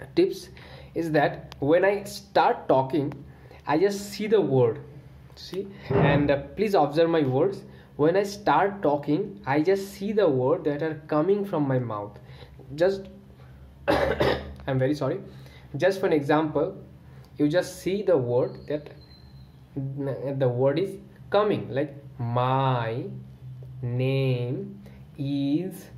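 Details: Adult man who has stammered since childhood, using talking while exhaling as a management technique; repetitions are heard; stuttering (stammering).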